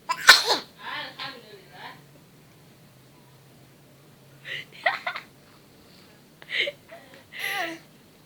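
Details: Baby gives a sharp, sudden sneeze, then small baby vocal sounds and a few later soft sneeze-like bursts: sneezing.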